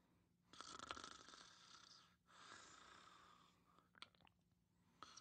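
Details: Louise, napping in a quiet room, snoring softly: two long, rasping, hissy breaths, then faint clicks.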